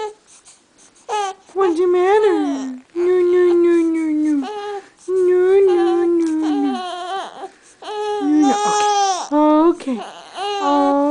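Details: Baby boy crying: high-pitched, wavering cries and whimpers in repeated, drawn-out bursts; infant cry.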